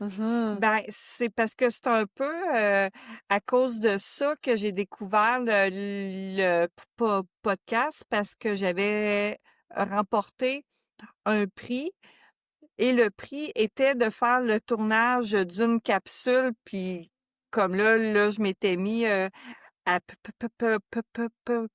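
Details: Adult woman who stutters, a member of an association for people who stutter; stuttering.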